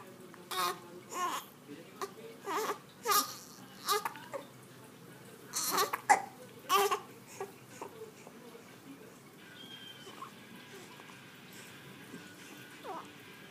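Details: Infant crying, possibly with hiccups: repeated short, whimpering cry bursts that fade into quiet fussing.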